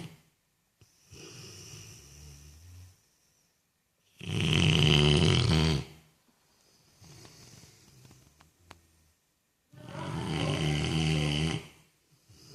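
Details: Sleeping dog snoring: loud rattling snores on inhalation alternating with quieter breaths out, roughly five to six breaths a minute.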